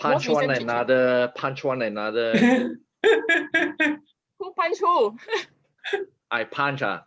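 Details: 50-year-old man with aphasia and apraxia of speech after a stroke in June 2018, initially so severe he could not articulate a sound, later improved through rehabilitation; aphasia with apraxia of speech.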